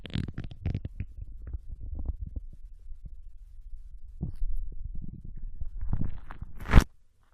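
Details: Young Japanese woman's intestine sounds while digesting ramen and potato chips: low gurgling and rumbling with brief crackly bursts and a rubbing noise near the end; ordinary bowel sounds.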